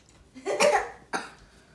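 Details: Person with hiccups for about an hour gives a single short cough and brief throat-clearing burst in a quiet room while trying to drink water with head upside down as a hiccup cure.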